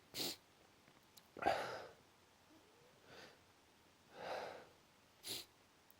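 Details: Strong sneezing fit the person can't stop: a run of short, sharp sneezes separated by quiet pauses.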